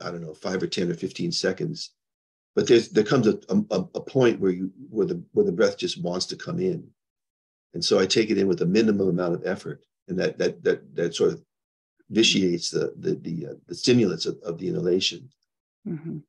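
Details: Man diagnosed with Parkinson's disease 21 years ago, now progressing, who reports mild stuttering, losing words, anxiety, depression, memory problems and poor balance; neurogenic stuttering.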